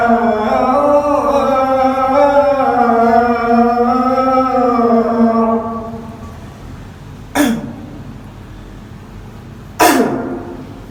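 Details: Unexpected cough during the call to prayer: the sustained chanted adhan fades, then two sharp, isolated coughs break the quiet.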